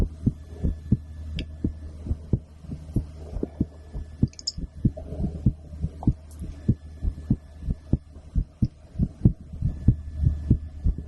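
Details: Adult female heartbeat recorded through a stethoscope after a blood draw: steady low thumps at about 95 beats a minute over a constant low hum.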